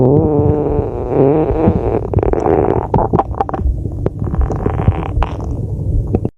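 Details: Loud, low, prolonged stomach growl with bubbling and gurgling; ordinary stomach rumbling (borborygmi).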